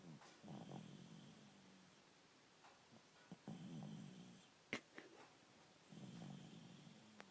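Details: Snoring during sleep: low, rattling snores in repeated breath cycles, with a few clicks and rustles between them.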